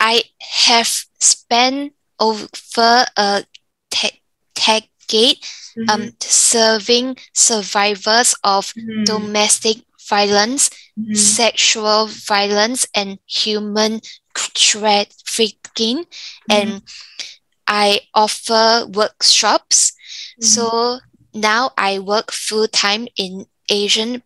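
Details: Woman aged 34 with aphasia and apraxia of speech after a stroke at age 31 caused by an arteriovenous malformation; weaker right side, lost Mandarin tones, receiving speech therapy; aphasia with apraxia of speech.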